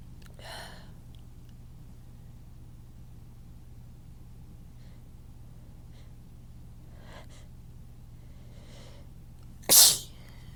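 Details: Several faint gasping breaths building up to one loud explosive sneeze over room hum; the person says these big sneezes differ from their usual small ones and their nose is irritated.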